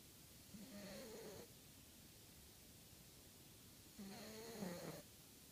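Soft, rhythmic snoring from a sleeping cat, two gentle rattling breaths over a low hiss of room noise.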